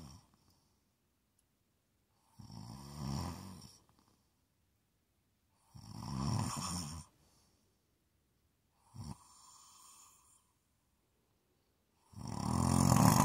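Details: Close-up recording of an adult snoring: loud rattling snores on each breath in, about four in thirteen seconds, with quiet gaps between.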